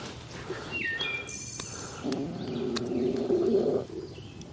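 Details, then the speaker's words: Loud stomach growling (borborygmi) heard during campfire dinner preparation. "That was my stomach. Wow. I don't know if you can hear that or not, but that was loud."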